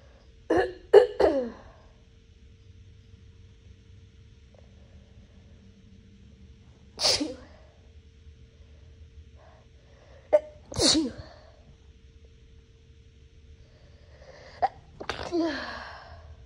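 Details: Several sharp sneezes in bursts, some with quick catching breaths, separated by quiet pauses; induced with a Q-tip after nose burning while cleaning a bathroom, likely Clorox; cat present.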